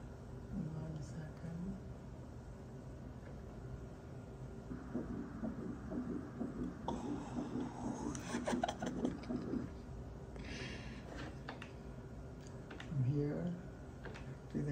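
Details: Rapid, regular whooshing pulses of a fetal heartbeat on ultrasound at about seven weeks of pregnancy, at the mother's first OB visit; a second baby is possible but uncertain, amid room noise.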